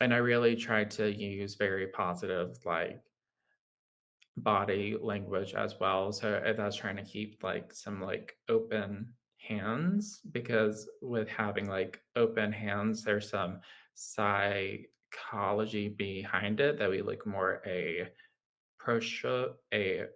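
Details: Adult man with lifelong childhood apraxia of speech, a neurological motor speech disorder; childhood apraxia of speech.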